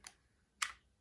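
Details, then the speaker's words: Arthrex FiberStitch all-suture meniscal repair, second suture in a live surgical case: two sharp clicks about half a second apart as the wheel is rotated back to its stop, then forward to deploy, marking complete suture deployment. "far back as it will go until you get a stop and a physical click with a single bar and then rotating forwards to deploy the second suture again with a physical click and a split bar they to indicate that you've completely deployed the suture"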